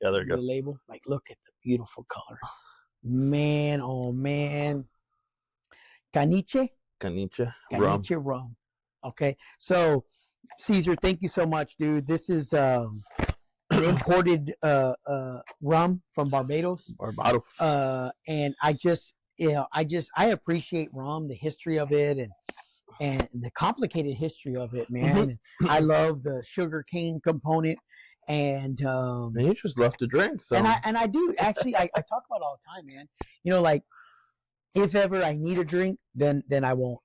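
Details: Adult man with occasional stuttering since a stroke, mainly on words starting with S and R, where the word won't come out; attending therapy and medical appointments for it; acquired neurogenic stuttering.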